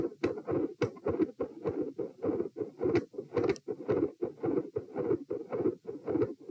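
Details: Stethoscope heart sounds at position P, patient sitting, with quiet S1 and loud fixed split S2; rapid, regular beats. Near the end S1 and S2 grow louder, a murmur appears and the S2 split widens.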